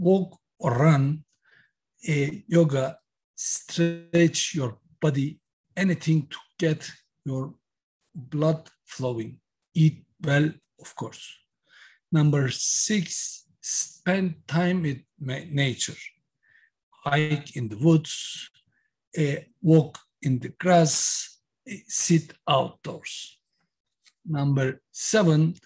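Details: Aphasia in a man who had a massive stroke in October 2016 at age 42.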